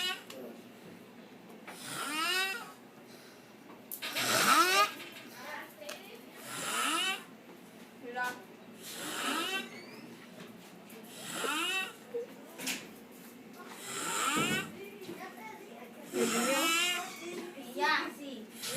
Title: Boracho Roncando (Drunk Guy Snoring)